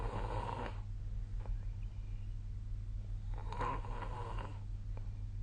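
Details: Snoring recorded with the SnoreLab app, 2025/01/26: two rough, rattling snores on the breath in, about four seconds apart, over steady low room hum.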